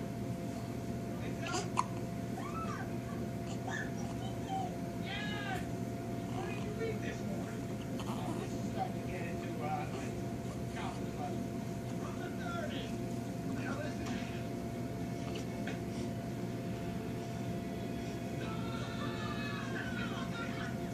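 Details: Newborn in hospital: faint, irregular short hiccup catches over a steady machine hum.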